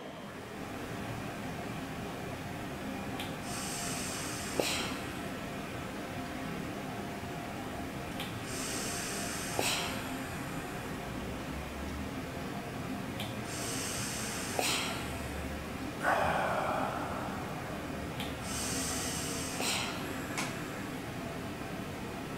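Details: Man with a spinal cord injury on long-term ventilation in intensive care, with a tracheostomy and speaking valve, during his morning lung volume recruitment: regular hissing ventilator-delivered breaths about every five seconds.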